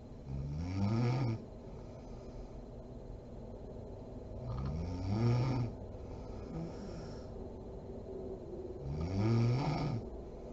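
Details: Mother snoring while asleep: three rough, low, rattling inspiratory snores, roughly 14 breaths a minute, with quiet room noise between.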